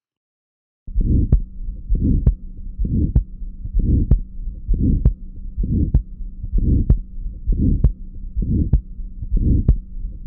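Regular heartbeat near 65 a minute with a harsh, rough murmur filling systole between the heart sounds: a grade 3/6 ejection murmur of aortic valve stenosis.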